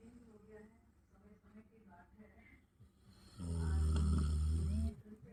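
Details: One loud, deep, rumbling snore lasting about 1.5 seconds from a sleeping Labrador dog, with soft breathing and faint voices before it; dog snoring.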